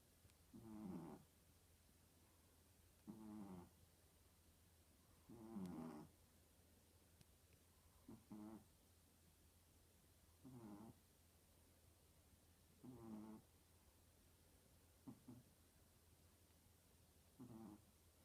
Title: Puppy snoring like an old man!